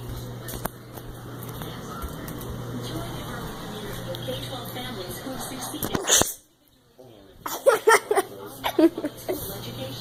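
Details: Simulated sneeze done as a prank on a dad in a bathroom: a single sharp, forced sneeze followed by laughter and room noise.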